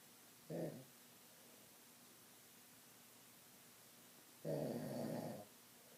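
Two low, rough, growl-like snorts separated by quiet breathing, fitting a dog's sleep snoring.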